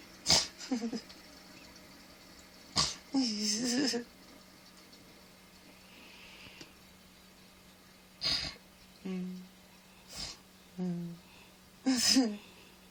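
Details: Adult man asleep making short breathy, voiced bursts, some giggle-like and some snort-like, over a steady room hum; possible sleep laughing or snoring.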